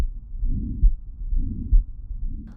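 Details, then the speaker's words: Mitral stenosis: low-pitched rumbling diastolic murmur with two loud beats; loud first heart sound classic; opening snap at the apex while leaflet mobility remains intact, becoming earlier and disappearing with more severe disease. "mital stenosis is a low pitched rumbling diastolic murmur an opening snap can be heard at the Apex while leaflet Mobility remains intact it becomes earlier and eventually disappears with more severe disease"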